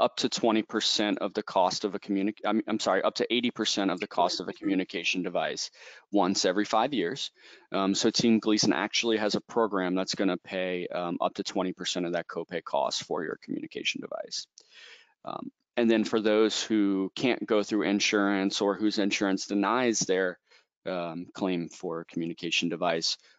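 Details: Adult male speaker; normal speech.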